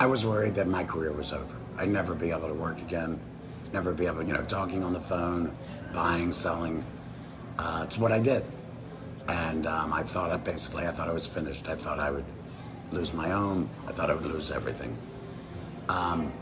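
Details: Tracheoesophageal speech from an adult man about 4 years after total laryngectomy (February 2019) with removal of the larynx and vocal cords, speaking with a voice prosthesis, currently a Provox Active Valve.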